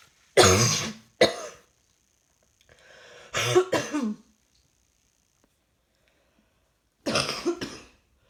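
Three bursts of harsh coughing, two or three coughs each, with a soft breath before one bout, repeated coughing.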